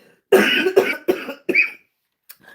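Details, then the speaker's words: Woman with lupus and Jo-1 (antisynthetase) antibody lung involvement making her lungs look like a smoker's, though she never smoked: chronic cough. "And lupus and the J Joe one antibbody affected my lungs. So, my lungs look like I smoke. And I have never smoked anything. anything. So that's why you'll hear me be um coughing and you'll hear tell people say get something to drink cuz they hear it."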